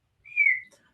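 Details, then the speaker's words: Whistling vocal tic from an adult with Tourette syndrome, heard during a live interview alongside erratic movement tics. "you might you might notice that is is whistling has some um you know erratic movements and those are called ticks called tourette's"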